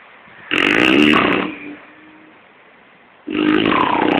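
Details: Loud, harsh rattling snores on each in-breath, separated by quieter out-breaths, from sleeping friends recorded in Kochi, Kerala, India; ordinary snoring (koorkkam vali).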